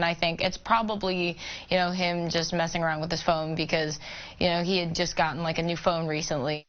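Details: Adult woman speaking; Normal speech.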